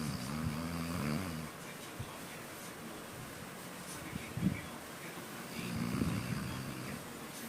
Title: Begitu nikmatnya #dogs Snoring #doglover #cutedog